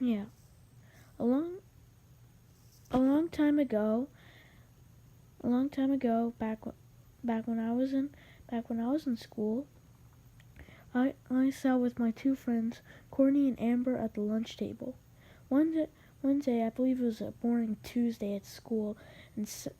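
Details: Male narrator who reports having a little stutter, narrating a story; repeated words and phrases: stuttering.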